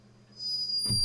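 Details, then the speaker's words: Sleeping hummingbird snoring, recorded by a scientist in Peru: a thin, very high-pitched squeaky tone rising out of a low hum, described as around the 8th piano octave. "Arkadaşlar sinek kuşunun uyurken çıkardığı horlama sesini kayıt altına alınmış. Dünyanın en tatlı horlaması."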